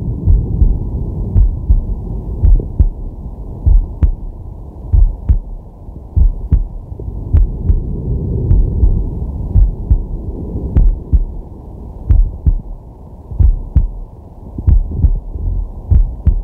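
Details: Male's heartbeat and breathing recorded with a digital stethoscope on the chest during a sleeping/relaxation session: steady lub-dub about 49 beats a minute with slow deep breaths swelling underneath; normal heart sounds.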